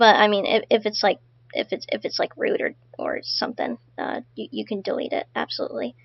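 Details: Adult speaker; ordinary speech.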